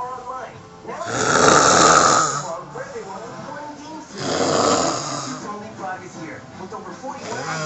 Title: snoring